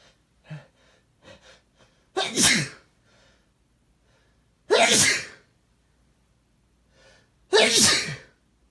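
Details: Person sneezing: three forceful, explosive sneezes a few seconds apart, each preceded by short catching inhalations, in a quiet room.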